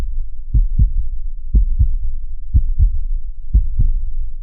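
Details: Steady, regular heartbeat soundscape at about 60 beats a minute, each beat a soft, low lub-dub; normal heartbeat.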